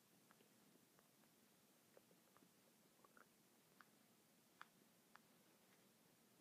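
Faint gurgles and squelching pops in a quiet, hissy recording; ordinary stomach rumbling.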